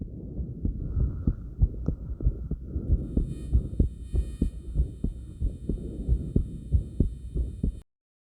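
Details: Steady, fast heartbeat of about 95 a minute with soft breath sounds and faint background hum, recorded during light crunches: rapid heartbeat after light exercise.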